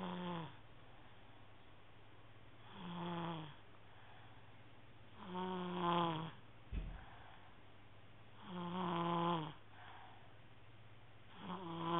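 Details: Soft, tonal, buzzing snores about every three seconds (roughly 20 breaths a minute) over a steady low room hum, from a sleeper called "lil bear," recorded on an HTC mobile phone; ordinary snoring.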